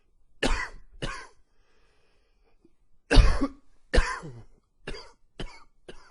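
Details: Seven harsh coughs in two bursts with a pause between them; an allergy-related coughing fit as cooler fall weather sets in, with some wheeze and slight gagging.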